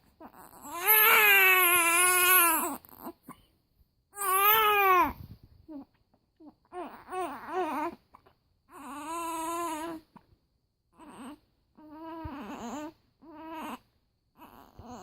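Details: Baby with hiccups crying in long wailing bursts, then shorter whimpering cries with pauses between them, while being soothed; ordinary infant crying.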